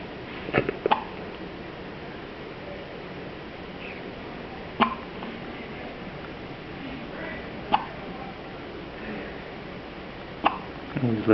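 Several brief, sharp catches a few seconds apart over a steady background hiss; hiccups.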